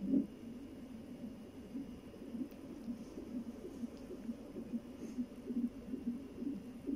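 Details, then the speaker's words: Fetal heart tones from a Ugandan-Filipino baby during a 20-minute heart-rate recording on a monitor: faint, fast, regular pulsing whooshes at about 130–140 per minute under a steady hiss. "Kuha ko daw ang heart rate ani for 20 minutes."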